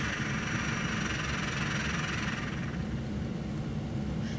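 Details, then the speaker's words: Steady rattling, buzzing flutter of air through a handheld mucus-clearance valve as a ball bearing lifts and flutters during a breath out: flutter valve airway clearance device demonstration. "I hope you can hear this on the video but you can actually hear the air fluttering inside the device"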